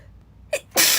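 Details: A quick, sharp in-breath followed by a forceful, hissing sneeze from a girl in a quiet room; single sneeze.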